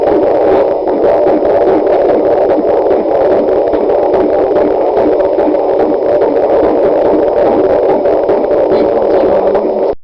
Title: Pregnancy Week 37 - Heartbeat, Fetal Doppler